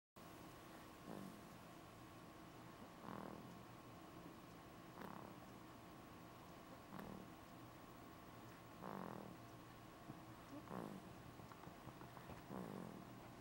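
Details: A person snoring: soft, low, rough snores repeating about every two seconds under steady room hum.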